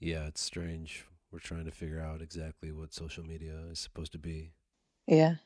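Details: Adult man speaking; Typical voice.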